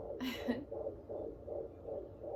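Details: Home fetal Doppler: after a brief scraping burst, rapid regular whooshing pulses of a fetal heartbeat, about 160 a minute.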